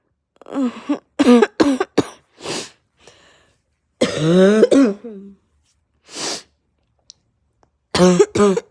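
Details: Adult sick with pounding head, raw sore throat, heavy chest and stuffed nose: harsh voiced barking, hacking coughs in clusters, about nine in all, coughing so hard nearly vomited.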